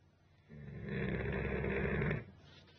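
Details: Basset Hound napping on a couch: a single long, loud, rattling snore lasting nearly two seconds, deep and fluttering like a human's. Dog snoring.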